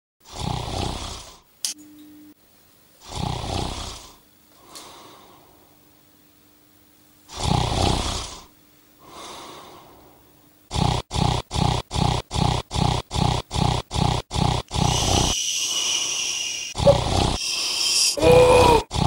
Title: How To Stop Snoring